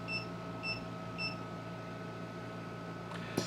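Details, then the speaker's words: Three short, high button beeps and a click over a steady hum from a Puppywarmer veterinary oxygen concentrator; each tap of flow plus or flow minus changes the oxygen flow to the next whole number. "if you tap a flow plus button you adjust to the next whole number same thing for the flow minus button if you tap it you adjust down to the next whole number"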